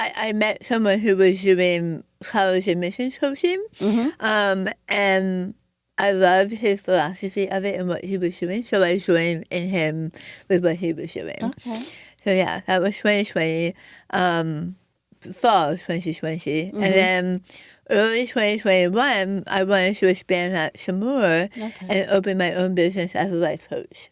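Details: Adult woman with stage 4 squamous cell carcinoma of the right tongue, diagnosed December 2021; over half of tongue removed and reconstructed with arm-skin flap, plus neck dissection, radiation, chemotherapy and speech therapy; altered articulation after partial glossectomy.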